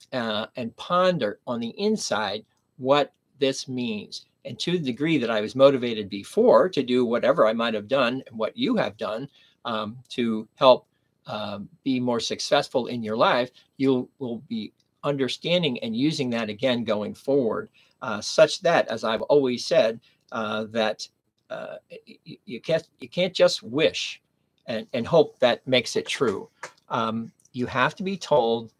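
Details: Man with aphasia after a stroke at age 59, nearly 11 years earlier, in the later recovery period; aphasia.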